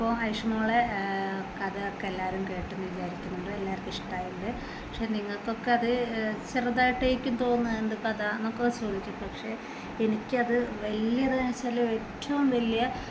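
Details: Adult woman; typical adult speech.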